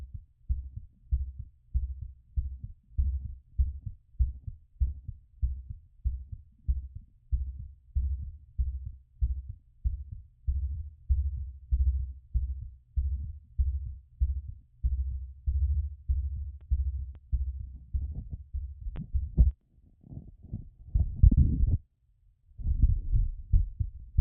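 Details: Normal heart sounds on auscultation during post-exercise recovery.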